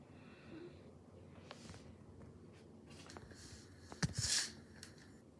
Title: XMAS SNEEZES: